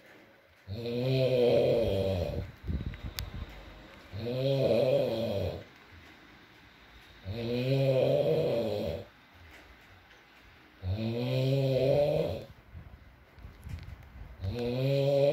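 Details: Adult male (boyfriend) asleep, ASMR recording with rain in the background: regular loud, low droning snores about every three seconds, roughly 18 breaths a minute, with quiet breathing between them; snoring during sleep.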